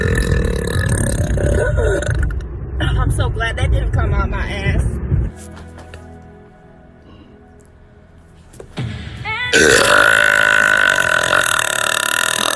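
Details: Several deep, drawn-out belches with music and traffic-like background noise; burping.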